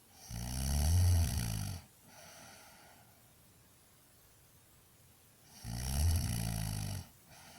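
Loud, low rattling snores on each breath in, two in about eight seconds with quiet breathing between: heavy snoring.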